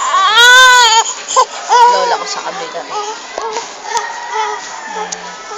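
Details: Infant crying loudly while being cleaned and feeling cold: a loud, sustained wail, then shorter crying bursts over background talk and room noise.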